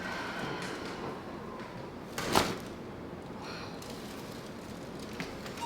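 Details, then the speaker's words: Chiropractic neck adjustment at a patient's second visit while the patient breathes in and lets the air out: a brief crackling pop against quiet room noise, described as a big release; joint cavitation from gas release. "okay i'm not going to force that one breathe in and let it out there we go stay right there that was a big release"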